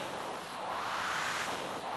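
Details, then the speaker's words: Mechanical ventilator sound: steady airy whooshing with a gentle swell from the small home breathing machine an ALS (amyotrophic lateral sclerosis) patient has lived with constantly for 20 years. "Siz de bu programın sürdüğü 20 dakika boyunca solunum cihazının sesini duyacaksınız fonda. Çünkü o 20 yıldır işte duyduğunuz bu sesle yaşıyor."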